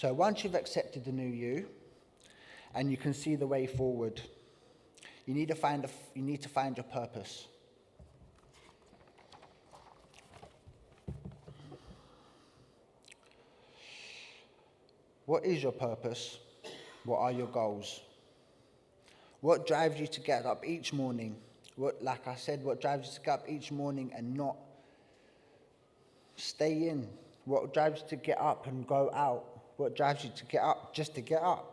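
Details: Adult man, traumatic brain injury survivor (accident, December 2019), stutter that began after the head injury and is worse when tired, with ongoing communication difficulties, receiving speech and language therapy; acquired neurogenic stuttering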